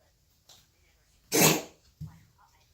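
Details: A dog gives one harsh, forceful cough, followed by a softer throaty sound. Dog cough.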